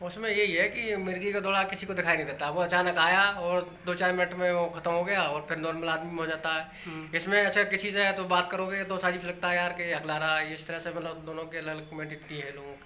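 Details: Adult speaking Hindi; no speech disorder.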